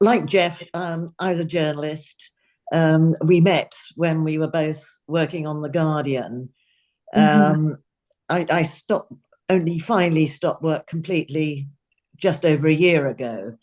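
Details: Adult woman speaking; normal speech.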